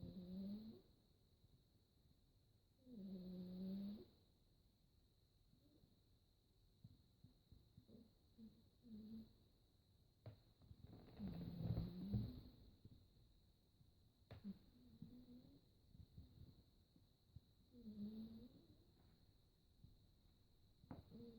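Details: Soft, low snoring breaths every few seconds from a sleeping fluffy pet, perhaps with its face buried in its fluff, recorded on a phone with a steady high background hiss; snoring.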